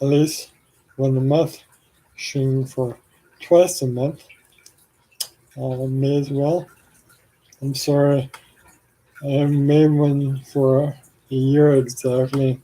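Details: Adult man with ALS, 4 years after diagnosis and 14 years after symptom onset, on blood thinners for blood clots; worsening slurred speech, saliva and phlegm buildup with frequent swallowing, and arm weakness; finding: dysarthria (ALS).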